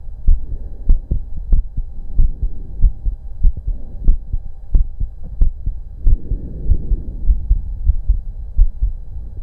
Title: Auscultation Of My Heart During breatholds